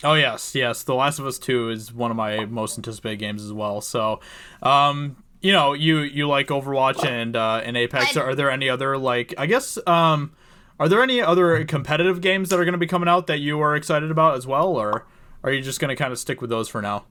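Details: Adult male speaker; normal conversational speech.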